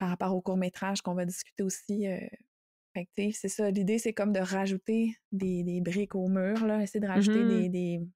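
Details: Stuttering in a young man, a person who stutters, speaking French.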